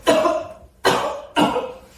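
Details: Three forceful, harsh coughs in quick succession from an adult woman after a choking obstruction from carrots is cleared, in an acted rescue scene.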